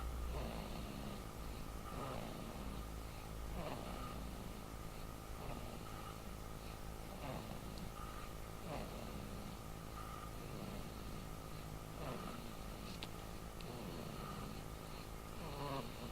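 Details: Steady, rhythmic snoring during sleep, about every two seconds (roughly 35 a minute), over a constant hum.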